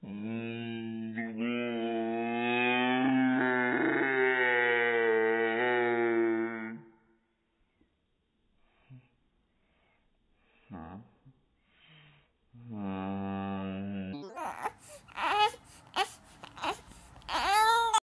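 A long, sustained wail from an infant, then a pause, a shorter cry, and a run of choppy, sobbing cries.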